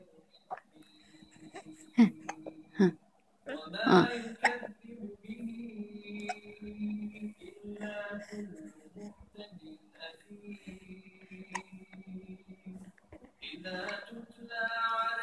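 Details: Infant aged 49 days gives brief, sharp hiccup sounds at intervals, with soft fussing and voice sounds between them: hiccups.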